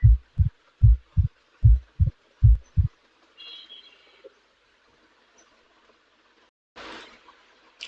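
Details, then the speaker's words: Mitral stenosis teaching example: regular heart sounds at about 76 a minute, diastolic murmur removed, leaving only a sharp early-diastolic opening snap after each beat. "Now the early portion of the diastolic murmur will be eliminated, leaving only the pre-systolic portion. Now the murmur is removed, leaving the opening snap."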